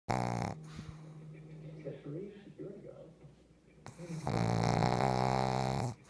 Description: Pug snoring in her sleep and a creepy eye turn.